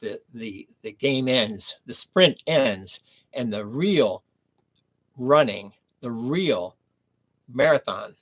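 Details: Adult man with aphasia after a stroke at age 59, nearly 11 years earlier, speaking in the later recovery period; aphasia.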